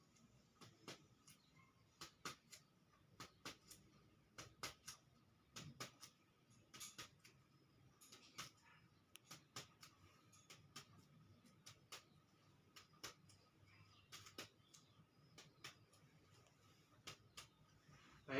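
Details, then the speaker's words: Chest percussion of a man, about 40 years old, in a student's basic respiratory examination, comparing right and left sides; soft paired taps give an equal resonant note on both sides, indicating normal lungs. "dari pemeriksaan perkusi ini itu didapatkan bahwa punya dihasilkan antara kanan dan kiri itu sama yakni bunyi Sonor yang menandakan bahwa paru-paru bapak itu normal"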